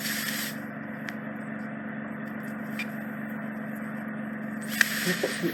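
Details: Endoscopic microsuction by a consultant audiologist of deep impacted wax trapped in the isthmus of a woman's ear canal, near the eardrum: steady suction hiss with faint crackles and scrapes as the wax is cleared.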